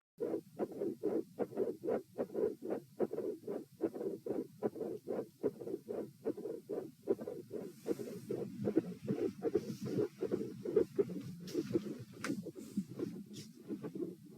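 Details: Heart auscultation at position E during a posture stress test (lying, sitting, standing, then lying again): midsystolic click with midsystolic murmur and split S2.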